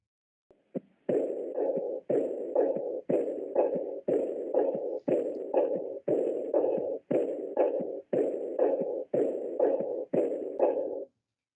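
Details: Aortic regurgitation murmur, a teaching example in a precordial auscultation class for medical students.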